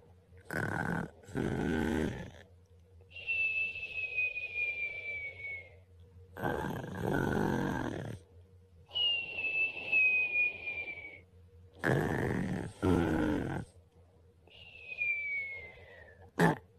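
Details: Exhausted animal sleeping on its tummy, snoring rhythmically: rough snorting inhalations alternate with whistling exhalations, about 4 cycles in 17 seconds.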